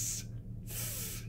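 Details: Adult male speech therapist demonstrating a clear /s/ made with the tongue tip raised behind the teeth; correct /s/ production (alveolar sibilant).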